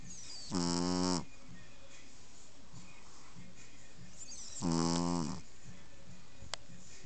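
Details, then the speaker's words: Two loud, buzzing, rattling snores about four seconds apart with quiet breathing between, from a baby snoring with her eyes wide open. Snoring. "little baby snoring they snoring she sleeping she got her eyes wide open snoring"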